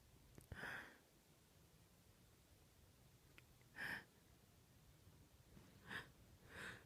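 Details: Powerful uncovered sneezes from a female: four short, quiet, breathy open sneezes spaced a few seconds apart in a hushed room.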